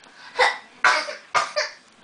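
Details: Drunk woman: four short, sharp explosive bursts in about two seconds, consistent with a run of sneezes or coughs.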